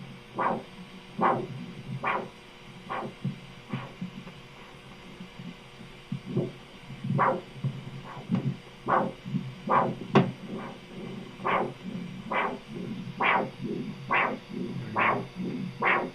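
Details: Continuous-wave Doppler of the leg at the common femoral region, probe angle adjusted to capture a triphasic arterial Doppler signal.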